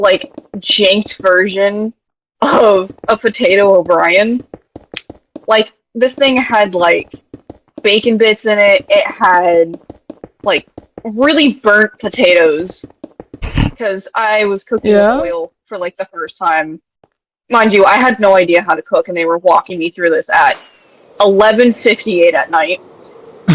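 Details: Adult woman; normal speech.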